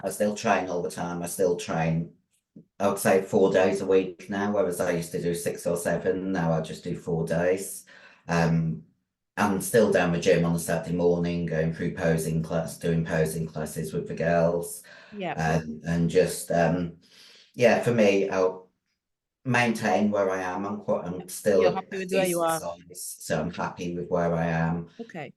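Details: 56-year-old female bodybuilder who took large doses of male anabolic steroids; voice, formerly very high-pitched, is now very deep and she can no longer sing; also has chronic kidney disease: virilized voice (androgen-induced voice deepening).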